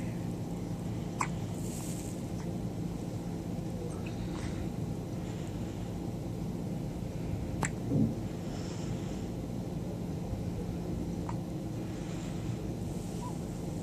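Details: Baby with hiccups: soft, sharp hiccup sounds, about four in fourteen seconds, over steady low room hum.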